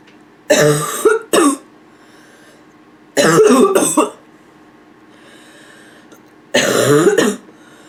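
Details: Nonstop barking cough from a female (f), with a little throat clearing toward the end: three bouts of harsh, voiced barking coughs, about six in all.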